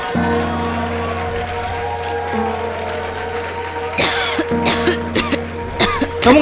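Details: Music plays, then a run of about five short, sharp acted coughs in quick succession near the end; simulated cough in a cough-medicine TV commercial.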